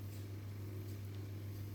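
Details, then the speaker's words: Training-lab demonstration of tracheal secretion suctioning via a ventilator circuit: catheter advanced to the carina, then withdrawn while aspirating as an assistant holds the connection; steady low motor hum of the suction pump, no distinct slurping. "Entonces en ese caso no volvemos a retirar aspirando y ahí la asistente me tiene que sujetar sí o sí esta parte ya aspiramos"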